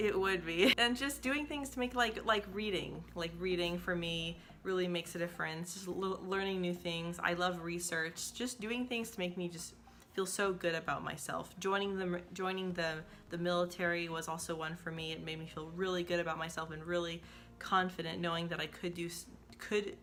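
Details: Adult woman who says she is a person who stutters and links her stuttering to feeling insecure; stuttering with audible word repetitions.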